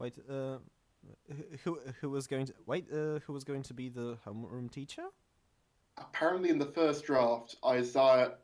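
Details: Stuttering; male podcast host whose co-hosts are introduced as the non-stammering hosts, implying he stammers; the show describes itself as combining manga talk with speech therapy.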